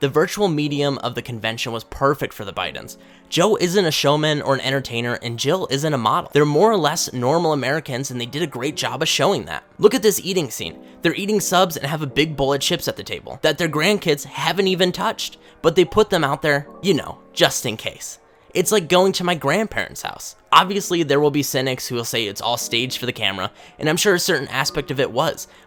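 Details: Adult male speaker; normal speech.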